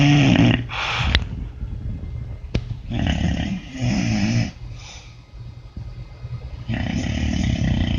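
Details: Low, rough snoring breaths in a quiet room from a sleeping dog; heavy snoring, owner jokes he needs a CPAP.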